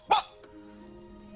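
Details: Dramatized scene of a man with Tourette syndrome making a repetitive "gah gah" vocal tic.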